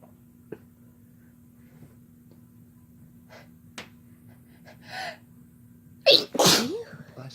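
Quiet room with small clicks, then a loud sharp burst of sneezing toward the end; ordinary sneezes.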